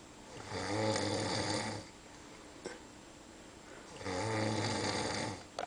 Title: Epic Snoring